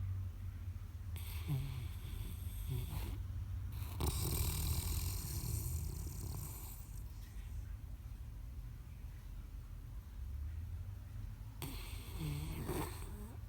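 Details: A sleeping Great Pyrenees dog snoring: deep, rumbling breaths with a rattling edge, hissy airflow and occasional brief snorts.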